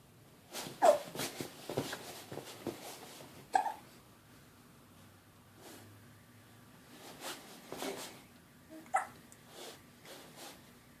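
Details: Morning hiccups in a 13-week-old: repeated short, sharp jerky sounds at irregular intervals in a quiet room.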